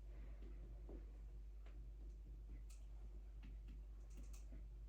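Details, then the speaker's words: Head-to-toe assessment, patient lying supine: soft, irregular finger taps over the abdomen with hollow, drum-like notes; abdominal percussion, tympany (solid organs sound dull). "Noting that tympany is a drum-like sound and solid organs have a dull sound."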